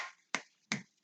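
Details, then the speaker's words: Adult with Tourette syndrome: three sharp finger snaps in quick, even succession, a repetitive finger-snapping motor tic that was blamed for overuse wrist pain. "they always said that it was overuse syndrome from snapping because that's all I would do"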